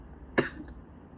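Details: Adult with a severe sore throat and lost voice, seen at a clinic, corona test negative, describes a super dry throat: single short, dry cough burst in a quiet room with little follow-through; dry cough.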